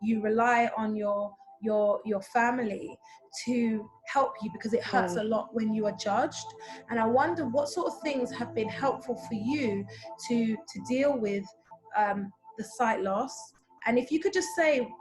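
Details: Adult woman speaking, soft background music; typical speech.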